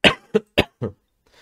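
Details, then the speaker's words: Four short, sharp coughs in quick succession from an adult who is somewhat ill, a brief coughing bout with a faint trailing noise. "Alors je m'excuse d'avance pour toutes les toux que que vous allez entendre. Ça peut être potentiellement agaçant."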